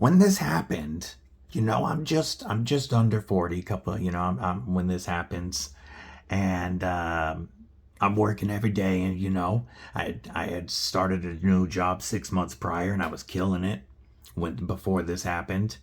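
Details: Male just under 40 with a paralyzed vocal cord from nerve damage after botched surgery for a broken neck, then emergency spinal surgeries, now fused front and back; dysphonia from unilateral vocal cord paralysis.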